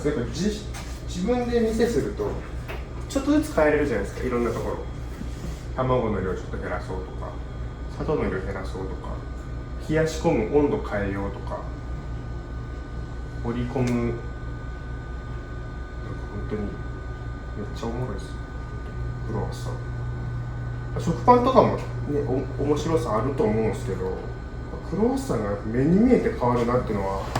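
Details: Adult male baker, born 1992, stuttering since age four, speaking Japanese; stuttering.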